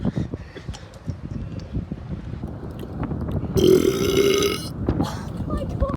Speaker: Alright, gang. Peace out. Wait, let me just burp.